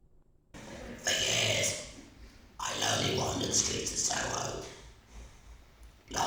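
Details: Laryngectomy patient (larynx removed in life-saving cancer surgery) speaking in a performance; very low-pitched, strenuous esophageal voice; esophageal speech after laryngectomy.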